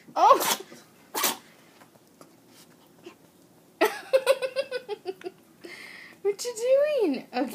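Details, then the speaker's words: 10-week-old puppy during a sneezing fit: two short, sharp sneezes followed by small whines and yips in a quiet room. "are you done are you done sneezing bless you you going to puke or sneeze bless you"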